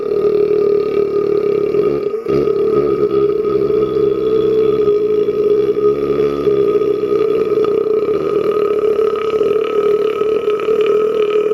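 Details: One very long, loud, sustained low-pitched belch lasting over ten seconds, from a burp compilation; burping.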